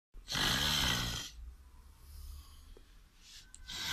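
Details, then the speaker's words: Husband snoring, remixed into music: one loud, harsh rattling snore on an in-breath, then quiet breathing and room noise. "filmando a mi marido cada vez que roncaba por 4 años mezclándolo de una forma especial con la ayuda de mi sobrino salió esto"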